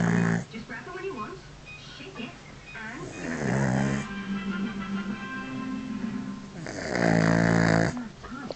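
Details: Dog sleeping with head back and mouth open, snoring: repeated rough, rattling snores over background music.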